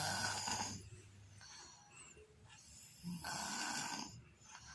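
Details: Loud, rattling snoring breaths in two cycles with a fluttering, whistly quality; snoring.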